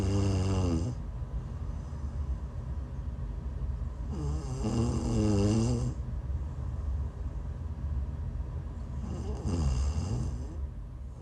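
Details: Snoring while sick, recorded during a live stream: three long, rattling, voiced snores spaced several seconds apart over steady low background noise during sleep.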